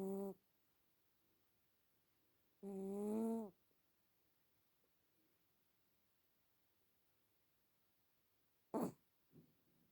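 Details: Jack snoring loudly today: two low, rattling snores a few seconds apart in a quiet room, then a brief snort.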